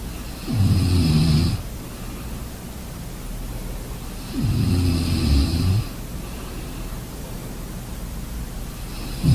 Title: Sleeping sounds Snoring enjoy